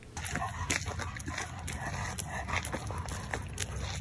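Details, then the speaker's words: An older yellow Labrador Retriever with laryngeal paralysis, showing excessive panting and exercise intolerance, makes loud noisy breathing sounds as he tries to breathe in: inspiratory stridor. "He has these really loud breathing sounds, and if you listen again in the video, you can hear him making that. So what's happening is he's trying to breathe in and his airway or his larynx is"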